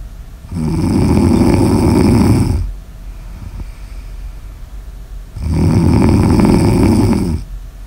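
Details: Sleep snoring in an ASMR recording: two long, rough, rattling snores on breathing in, with quieter breathing out between, about eight breaths a minute.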